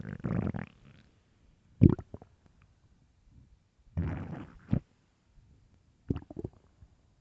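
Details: Very hungry stomach: irregular low gurgles, groans and short pops from the belly; ordinary hunger growling (borborygmi).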